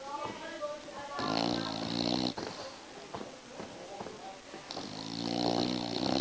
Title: Bull dog snoring. SOOO Funny. Not fake